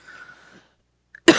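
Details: Quiet voiced sound, a pause, then one sudden loud explosive single cough from an adult podcast host who has a cough during recording.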